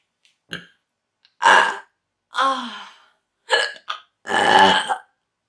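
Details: Adult woman inducing burps: several loud, voiced belches of varying length, some deep and drawn out, which go on to give her hiccups; ordinary induced belching.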